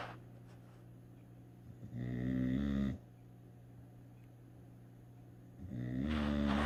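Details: Dog snoring: two loud, rattling in-breaths about four seconds apart, separated by quiet, roughly 15 breaths a minute.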